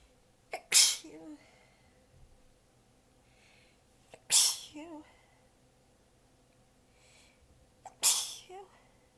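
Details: Three sneezes about three to four seconds apart, each with a short in-breath and soft vocal trail; the person was exhausted with sore abs and biting them back. Sneezing fit.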